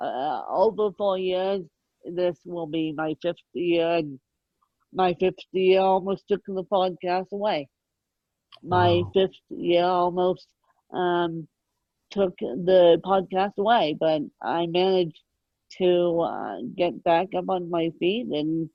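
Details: Adult woman born with cerebral palsy, moderate ataxic type, mid-spectrum severity, needing 24-hour care; ataxic dysarthria.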